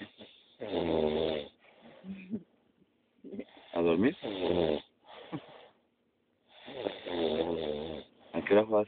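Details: Loud, rumbling, voiced snores recurring about every three seconds, roughly 20 breaths a minute, with softer breathing noises between them: snoring.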